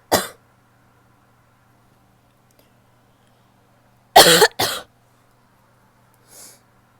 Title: Coughing (f)